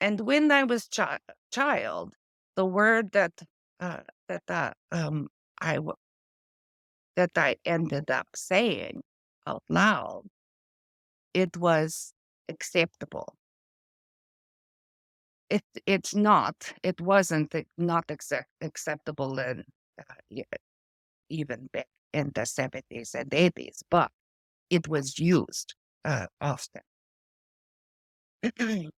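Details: Adult woman with post-stroke aphasia from a stroke affecting her brain's language area; word-finding difficulty with words lost mid-sentence and old-fashioned or inappropriate word substitutions; she also reports foreign accent syndrome.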